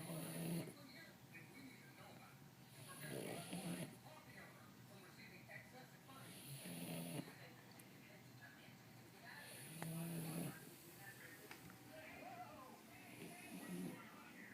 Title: Dobby snoring